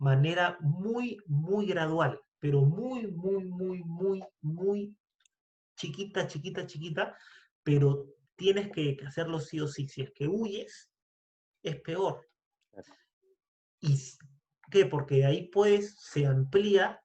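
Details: Man who stutters, speaking Spanish in a podcast conversation; stuttering with word and part-word repetitions.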